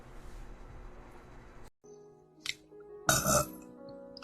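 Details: Korean livestreamer attempts one big burp on request after saying they're full: brief low voiced belch bursts over faint background music and room noise; burping.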